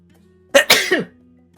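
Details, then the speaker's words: Combined cough and sneeze: adult coughed while about to sneeze, a short explosive burst of sneeze and cough together ending in a falling voiced sound. "i coughed and i sneezed at the same time that was awful oh are you good yeah yeah no i'm fine it was just like i was about to sneeze and then i coughed"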